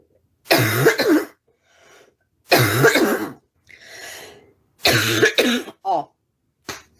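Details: Woman with a persistent cough that worsens at night: harsh, voiced barking bursts, about five coughs within seven seconds, with gasping breaths between; barking cough.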